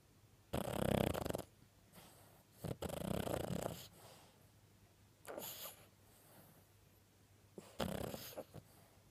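Loud, rough snores come in irregular bursts with quiet gaps between them, from a small dog while asleep.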